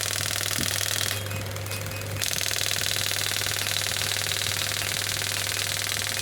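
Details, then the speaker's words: Biotronix pneumatic radial extracorporeal shockwave therapy (ESWT) device, up to 10 bar, probe firing in a demonstration as shots count: fast, regular rattling pulses about four a second with a steady low hum. "You can see I'm getting this. You can see the number of shots coming, and if I increase the energy"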